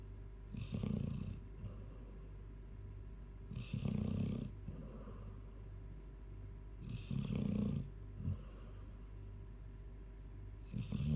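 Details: Low, rumbling snores about every three seconds, around 18 breaths a minute, from a sleeping 14-year-old Labrador over a steady background hum.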